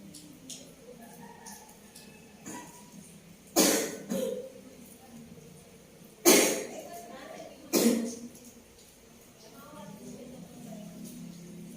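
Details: Woman with a persistent, long-unhealed cough, sleepless the previous night, during a traditional massage: three or four harsh, isolated coughs over about ten seconds against quiet room noise.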